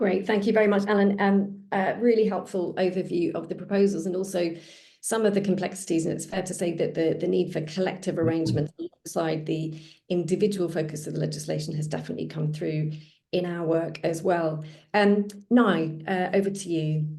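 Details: Adult woman speaking; Normal speech.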